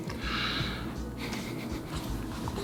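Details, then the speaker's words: A boy with a croup cough takes deep breaths during a doctor's exam. His lungs sound clear, but a coarse upper-airway rattle is heard in his throat. "so you're absolutely right his lungs sound nice and clear but you can just hear the rattle up in his throat"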